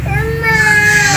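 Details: Baby crying during first haircut at a salon: sustained, strained, distressed wail over room noise.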